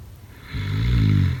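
One deep, loud, rumbling snore on a breath in. Snoring.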